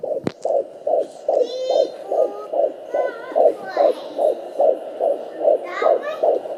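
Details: Sonoline B fetal Doppler at 19 weeks 4 days: a rapid, regular, whooshing fetal heartbeat at about 146 a minute, with scratchy thumps and swishes as the baby kicks; the mother feels the kicking.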